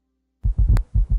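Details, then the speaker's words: S4 gallop: low-pitched extra sound just before S1 giving a "Tennessee" rhythm, more common in older adults with decreased left ventricular compliance; patient supine, low dull heart sounds. "because this low pitched sound occurs just before S1 it produces a galloping Rhythm as in the word Tennessee"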